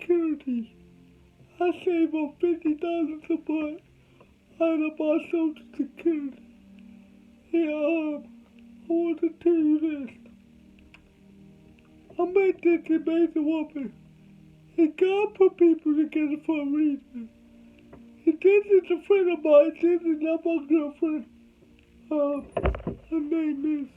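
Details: Adult man with cerebral palsy, told he would never talk: dysarthria (cerebral palsy).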